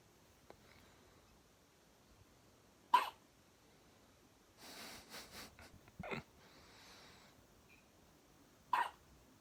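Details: Newborn weighing 5 lb 1 oz with first hiccups while sleeping: a few abrupt, sharp hiccup sounds several seconds apart in a quiet room, with soft rustling.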